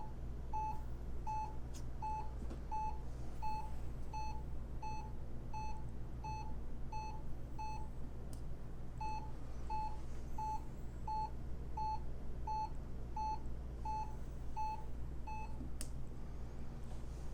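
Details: Hewlett Packard 43200MC military-surplus cardiac monitor-recorder hooked up on lead one, two: regular monitor beeps about 85 per minute, one per detected heartbeat, with a pause mid-clip over low room hum; ECG monitor beeping.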